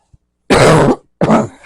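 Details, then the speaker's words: Two harsh, forceful coughs close together from an adult in a quiet room, who says the cough comes in phases and is worse at night. "Gonna cough."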